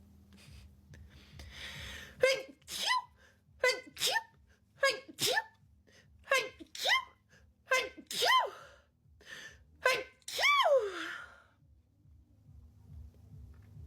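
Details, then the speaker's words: About nine quick high, squeaky sneezes in close succession, the last one longer, in a quiet basement room; repeated sneezing, possibly allergies. "oh no I have to sneeze he's going to"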